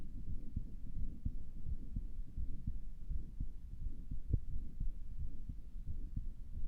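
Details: Self-recorded with own stethoscope by a person whose heart sounded weird to them; muffled heartbeat about 85 a minute with low rumbling background; possible murmur, uncertain.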